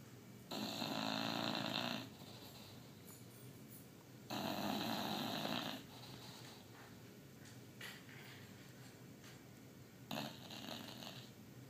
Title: Otis the Bulldog Sleeps Hard (and snores hard!!!!)